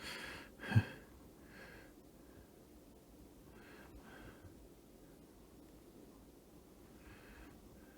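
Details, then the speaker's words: A sleeping dog gives one sharp snort, then soft, slow snuffling breaths every few seconds in a quiet room: light snoring, possibly while dreaming. "I don't know if you guys can hear that but the the dog's uh snoring over here"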